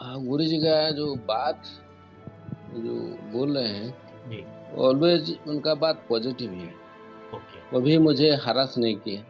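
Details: Dysarthria in a man aged about 54 with motor neurone disease diagnosed in 2019 after years undetected, with a prior spinal tumour; speaking and breathing difficulty worsened progressively, and he uses a breathing machine for sleep apnoea.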